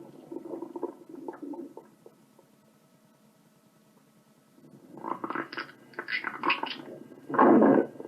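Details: Sound-effect compilation of stomach growls: bubbling, gurgling intestinal grumbles building into loud heavy tummy groans; stomach rumbling.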